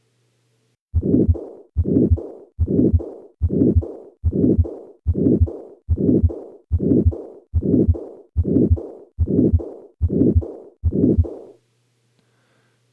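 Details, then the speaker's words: Combined aortic stenosis and aortic regurgitation: regular heartbeat near 73 a minute with a harsh murmur filling much of each cycle. "what pathology is causing this this is combined aortic stenosis and aortic regurgitation once more at the upper sternal border where the aortic stenosis murmur [Laughter] predominates and at the Apex where the aortic regurgitation murmur predominates"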